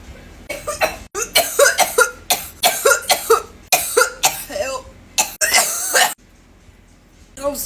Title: This was an interesting experiment 🧪 #za #cough #blinkershorts #blinker #420 #420community